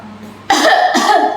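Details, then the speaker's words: Simulated nursing demonstration of the effective cough technique: after deep breaths held for a count of three, two strong, forceful coughs from the chest in quick succession; any sputum is collected in a container. "jadi seperti itu batuknya ya kemudian Kalau ada lendirnya langsung di pegang Ibu tampung di situ ya"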